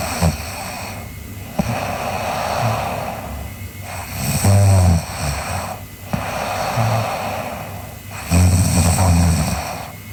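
Loud, rough snores with each breath, about 14 breaths a minute, low rattling with some snorting; ordinary snoring.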